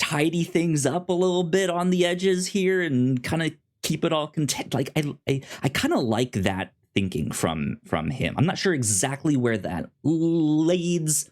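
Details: Self-described stuttering in an adult podcast host who says he has a speech impediment; stuttering.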